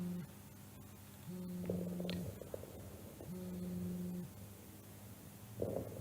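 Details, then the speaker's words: COPD patient with pneumonia, consolidation and pleural effusion: inspiratory crackles plus expiratory low-pitched wheezes on chest auscultation; crackles and wheezes. "es un paciente donde se escuchan crepitantes más cibilancias. Este es un paciente EPOC con una neumonía."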